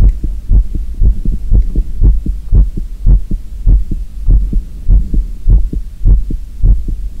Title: Will you listen my real heartbeat sound? 콩닥 제 리얼콩닥 심장소리들어봐요 ASMR [NO TALKING]